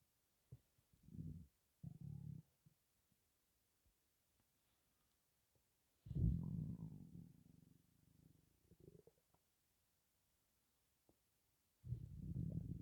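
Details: Stomach rumbling (borborygmi) with breathing in and out, stomach holding only gas and air, possibly from hunger: low gurgling rumbles in separate bursts, one long and drawn out.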